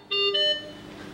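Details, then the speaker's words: Anesthesia machine checkout: with oxygen, nitrous oxide and air flows set to mid-range, the oxygen pipeline is disconnected. N2O and O2 flows fall, O2 last, and air continues. A brief high-pitched oxygen supply failure alarm sounds twice. "Disconnect the oxygen pipeline. See that nitrous oxide and oxygen flows reduce consistently but oxygen flow comes down the last. Airflow continues and oxygen failure alarm should go"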